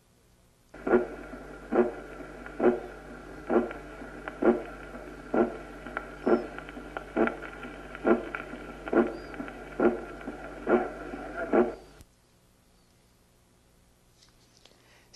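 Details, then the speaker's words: Teaching auscultation recording of a regular heartbeat about 68 a minute with a soft, muffled first heart sound, a finding described with long PR (>0.20 s), calcified leaflets, heart failure, shock or infarction: muffled first heart sound. "el primer ruido está apagado cuando el PR es largo mayor de 020 segundos Como sucede en el bloqueo de primer grado las valvas están calcificadas y En la insuficiencia cardíaca en el shock y en el infarto"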